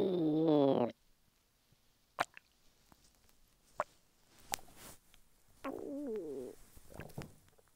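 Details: Male lying flat on his bed while hungry: gurgling, squeaky stomach rumbles with scattered pops and bubbling from the belly. Ordinary hunger borborygmi.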